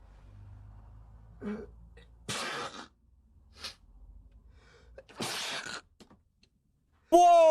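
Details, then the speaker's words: Man sneezing without covering his mouth: two sharp, explosive sneeze bursts, each after a short in-breath, in a quiet room, followed by a startled voice; ordinary sneezing. "oh oh my god have you never heard of this arm that's how you sneeze not this man sprayed it everywhere his whole his whole [ __ ] room is contaminated right now"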